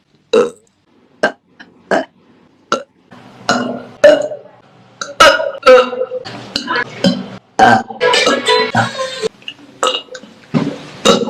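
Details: A series of short and drawn-out burps from a female singer during her livestreams, some voiced and tonal, repeated across the clip; ordinary belching in a compilation.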